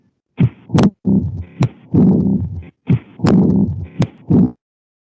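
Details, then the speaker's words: Diastolic murmur in a teaching recording, discussed alongside valve regurgitation: diastolic decrescendo murmur. "Common diastolic murmurs are associated with pulmonic regurgitation."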